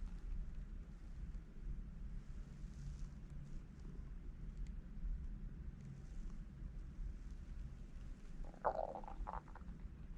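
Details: Low continuous rumbling with a short burst of bubbly gurgling near the end, recorded spontaneously while filming: ordinary hunger stomach growling (borborygmi).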